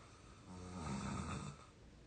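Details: Single deep rumbling snore on inspiration, rising and fading over about a second, from an exhausted 22-year-old asleep; ordinary snoring.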